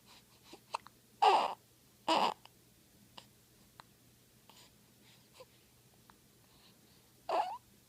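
Three brief, sharp voiced gasps from an infant at irregular intervals among soft clicks, fitting hiccups.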